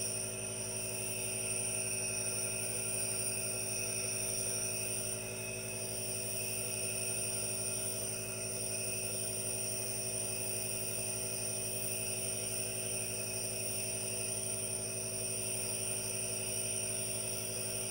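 Steady hiss and hum of a nebulizer compressor running without pause, with faint rhythmic pulsing; an ordinary device sound.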